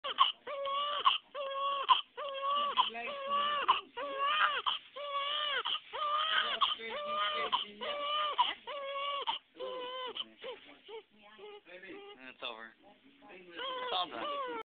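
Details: Newborn 12 hours old crying rhythmically in short high-pitched bursts, about one per second, with brief breaths between and softer whimpers.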